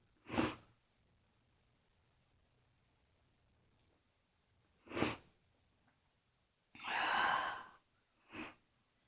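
Several short explosive bursts with a longer noisy breath between them in a quiet room; a run of sneezes.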